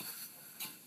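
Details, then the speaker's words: Training demonstration of tracheostomy suctioning: brief soft hiss, then a sharper suction burst as the catheter is withdrawn. Suction is applied only on the way out, after advancing until resistance is felt. "You don't suction on your way in. You only suction on your way out. So now you're going to suction on your way out."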